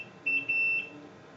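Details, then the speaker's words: High-pitched electronic alarm beeps over a quiet room hum: infusion pump air-in-line alarm during a simulated nursing demonstration of an IV magnesium sulfate infusion, before back-priming the line. "let's see we've got some air so we're just going to back prime it"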